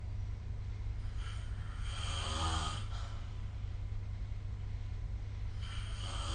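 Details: Snoring of a sleeping adult, recorded with the SnoreLab phone app: a rough, fluttering inhalation, then a quiet pause before the next breath.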